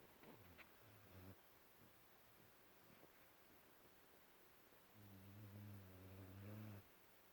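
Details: A 5-month-old Cane Corso puppy asleep after a hard day, giving low, buzzing snores, one short and one long, separated by quieter breathing; snoring.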